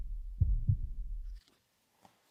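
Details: Normal carotid auscultation in a healthy adult woman who plays a lot of sport and reports occasional irregular heartbeats, head turned aside during a routine cardiovascular exam: two soft low thumps, no whooshing bruit.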